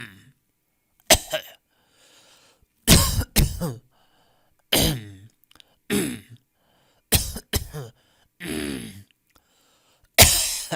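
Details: Audio resource of people coughing in different styles: about nine loud coughs and throat clears, some in quick doublets, with short silent gaps.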